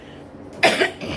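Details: Single short, forceful adult cough against quiet room noise, from a patient with vocal cord nodules, voice change and a lingering cold cough during an acupressure treatment.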